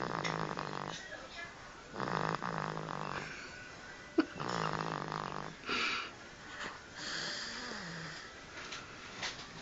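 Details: Baby boy snoring while napping: repeated short, snorting snores with a buzzing, nasal quality a few seconds apart, plus some soft breathy noises.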